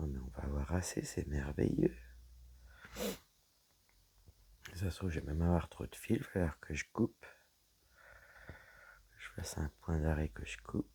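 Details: Woman whose vocal cords were damaged by a serious health problem; her voice is deeper than before, at times she has little voice, and she cannot speak loudly; she also reports a frog in her throat; dysphonia.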